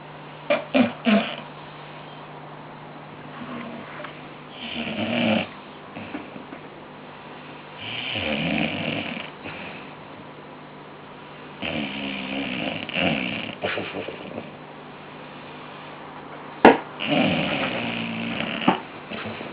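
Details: Bulldogs snoring in their sleep: repeated rough, snorting snores every few seconds with a few sharp snorts, from more than one sleeper.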